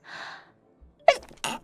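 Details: Sneeze from a Korean streamer's sneeze compilation: a drawn-in breath, a pause, then two sharp explosive sneeze bursts.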